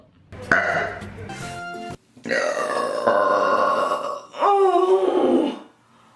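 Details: Several long, loud, voiced belches with a rough, croaking tone, over faint music in a small room; burping.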